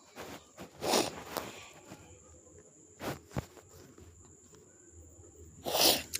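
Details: Adult on an eating show, who attributes it to a mild cold allergy and a breeze from the window, gives several sharp, brief bursts of air, the last loudest, against quiet room noise with a faint hum; sneezing.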